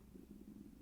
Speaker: If you can hear our stomach growling, it is currently 9:18 in the morning and we are very hungry.